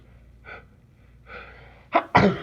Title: My morning allergies. Sneezing and blowing. M